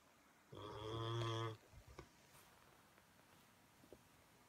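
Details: Four-year-old dog snoring while the owner watches television: a single loud, buzzy, drawn-out snore on an in-breath, then quiet with faint room noises. Ordinary dog snoring.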